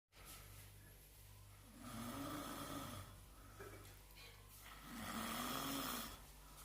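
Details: Person sleeping: two long, loud rumbling snores on inhalation, with steady hum and room noise; heavy snoring.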